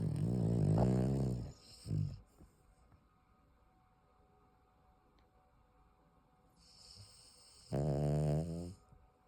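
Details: Sleeping dog snoring: rumbling snores with long quiet pauses between them.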